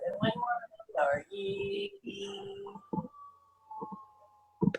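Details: Breathy, near-whisper voice from glottic insufficiency in a spasmodic dysphonia patient after left recurrent laryngeal nerve section; leaky valve, spasms gone.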